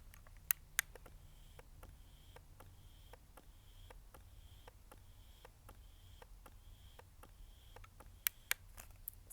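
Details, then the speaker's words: Elvie wearable electric breast pump running, heard outside the bra: quiet rhythmic soft clicks with faint whirring hum, low overall. "that's what it sounds like it's really not that bad and also once it's inside your bra and kind of cover it up and everything I think it's very very quiet"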